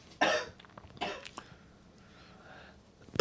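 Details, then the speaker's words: Adult man aboard a cruise ship who has tested positive for Covid coughs at a distance: two distinct coughs and a faint third, a Covid cough. "my understanding from what i've been told so far is you can hear over there coughing right now"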